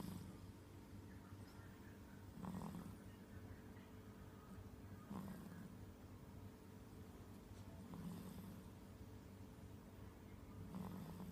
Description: Bayi ini mendengkur karena kelelahan setelah bermain dengan ibunya